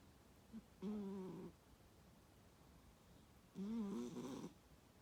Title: The cat is snoring